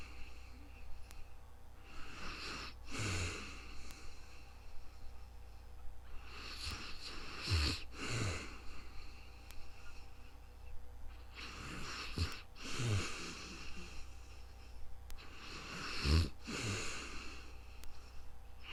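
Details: Real-time snoring during sleep, recorded on a new microphone: four slow breath cycles, about 13 a minute, each with a harsh rattling snore on the inhale and a low snort.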